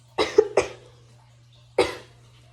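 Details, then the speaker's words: Three short, dry coughs in a quick cluster, then a single one, over a low hum, from a person with hyperthyroidism after radiation treatment; throat irritation worsens with talking and sounds fake to them. Dry irritative cough. "like it's like a real petty like fake i feel like it sounds like a fake cough like it's it's annoying to me but the more i talk the more it like bothers me"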